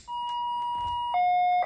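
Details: Loud steady electronic tone that drops to a lower pitch partway through: an enteral syringe pump alarm sounding while setting up a tube feed with a 60 cc enteral syringe.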